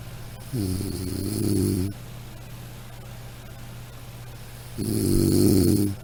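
Two long, droning snores a few seconds apart over a steady low background hum.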